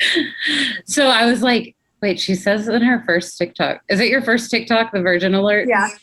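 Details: Adult woman; no speech disorder.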